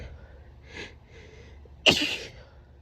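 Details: Female with grass pollen and ragweed allergy during a sneezing fit, itchy nose: two quiet indrawn breaths, then one sudden forceful allergic sneeze.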